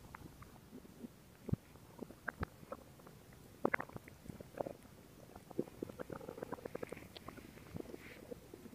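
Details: Irregular gurgles, pops and low rumbles from the belly, recorded as relaxation ASMR: ordinary stomach growling, normal bowel sounds (borborygmi).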